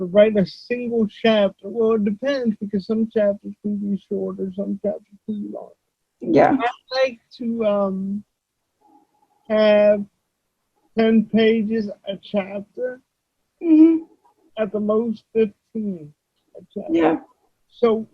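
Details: Adult male with cerebral palsy who uses a wheelchair; dysarthria (cerebral palsy).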